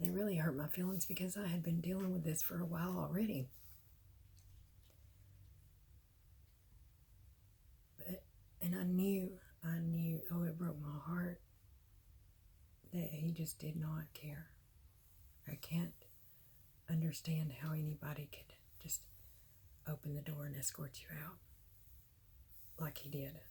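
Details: Adult woman with myasthenia gravis, ill for at least six years, diagnosed May 2018, worsening despite medication; throat muscle weakness and spasms, voice raspy when tired, "beyond raspy" now, cannot speak louder without worsening; dysphonia in myasthenia gravis.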